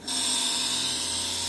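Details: A portable piston nebulizer compressor, with water in the medicine cup for a demonstration, starts up and runs with a steady buzzing hum; normal operation.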